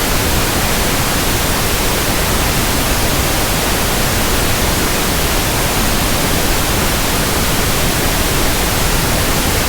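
Steady, soft hissing static with no variation, a pink noise sample used for matching tinnitus sounds.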